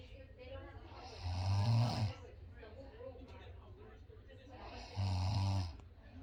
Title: lucky you guys still heard my snoring that mean I was alive. haha just ready tired